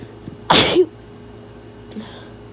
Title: Quick wet sneezes with nose blow